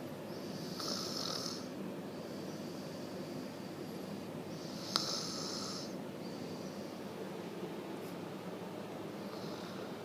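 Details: Snoring during sleep: soft, hissing snoring breaths, roughly three in ten seconds, over steady background noise.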